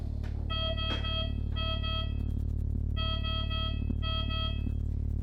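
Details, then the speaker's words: Power-failure alarm of a Respirox KSW-5 5 L/min oxygen concentrator with nebulizer, triggered by a sudden power cut during treatment: four repeated electronic tone bursts over a steady low machine hum. "Eğer ki tedavimiz sırasında ani bir elektrik kesintisi yaşanırsa"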